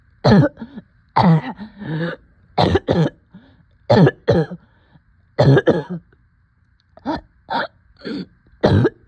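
Repeated harsh coughs in pairs and short runs, roughly a dozen over nine seconds, with brief gaps between bouts.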